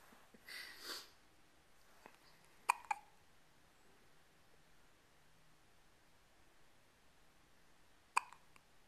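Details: Baby with hiccups: a soft breathy sound, then a few short, sharp hiccups spaced several seconds apart in a quiet room, with an adult reading aloud from a baby-care book in the background.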